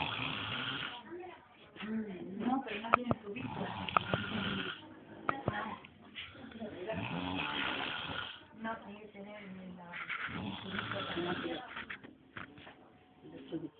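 Loud, rattling snores repeat about every four seconds, a regular snoring pattern during sleep.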